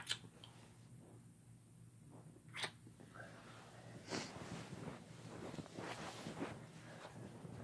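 Several sharp sneezes a few seconds apart in a small quiet room, a run of repeated sneezing.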